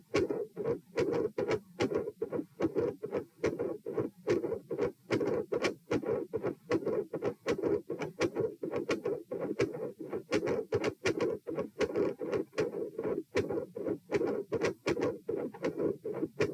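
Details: Stethoscope heart sounds at position P, supine, during repeated dry swallowing: about 77 beats a minute, irregular rhythm with early beats. Premature atrial contractions with swallowing-induced heart rate increase; possible swallowing-induced atrial tachycardia or PDA questioned.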